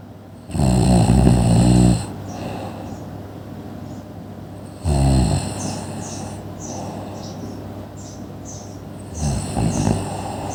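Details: Sleeping person: loud, rough snoring on three breaths in, with quieter breathing between them; ordinary snoring.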